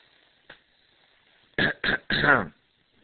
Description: dog and kid respond to me clearing my throat